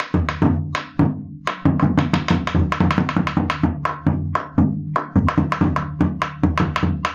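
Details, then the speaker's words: Drum imitation in a teaching demonstration of rapid, irregularly spaced heart sounds, mimicking the totally disorganized, irregularly irregular rhythm of atrial fibrillation. "sobre todo si hay una arritmia irregular como la FA, que es la típica arritmia irregular, la fibrilación arterial, donde puedes escuchar algo así."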